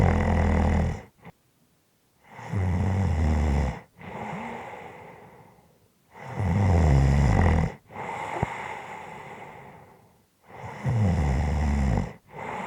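Loud, rattling snores on each in-breath with quieter breathy out-breaths, roughly 10 breaths a minute; snoring from vibration in the upper airway.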